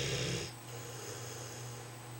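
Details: Snoring recorded in the dark: a single rough, rattling snore that fades into a quieter steady hum; snoring.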